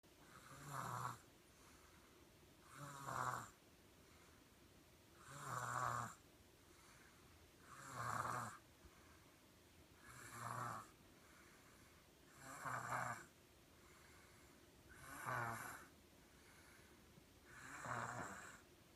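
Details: Infant snoring while in a Jumperoo: eight regular snoring breaths at about 25 a minute, each a rough noisy sound on the breath in, in a quiet room.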